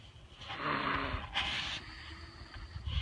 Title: Snoring on the trampoline